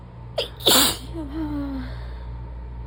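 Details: Adult lying down to rest after work, in a sneezing fit: a brief indrawn breath followed by one sharp explosive sneeze, then a trailing voiced sound.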